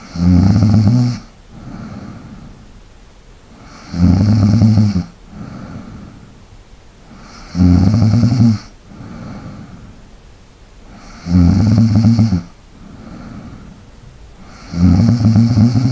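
Loud rattling snore on each breath in, softer breath out, about 16 breaths a minute in a steady rhythm; typical snoring.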